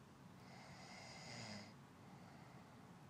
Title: Short soft snoring sound effect